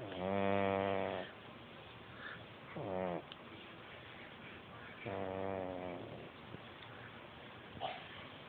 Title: Morris the cat snores